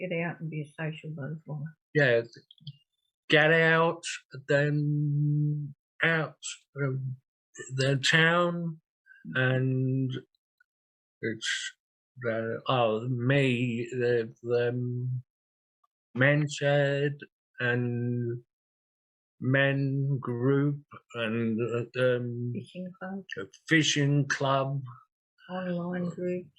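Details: 67-year-old man with aphasia after two large strokes, 18.5 and 6 years earlier, needing time to get words out and using a communication board; aphasia.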